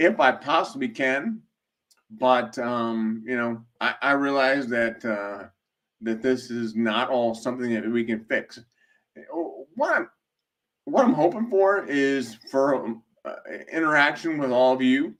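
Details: Male speaker with a self-described speech impediment causing delayed speech, having a rough speech day; blind for six months from 2011, partial vision restored after brain surgery and multiple eye surgeries; speech delay with hesitations.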